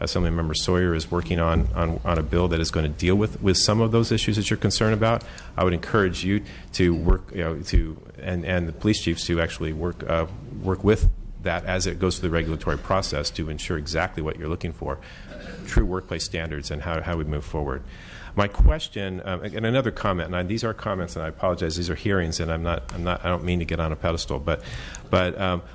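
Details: Speech disfluency, stalls and repeated phrase, in an adult man testifying at a legislative hearing who says his speech impediment flared up; type of impediment not named.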